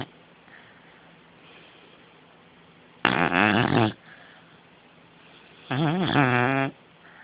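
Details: Sleeping beagle, possibly dreaming: two loud, rough, fluttering snores about three seconds apart, with quiet breathing between: ordinary dog snoring.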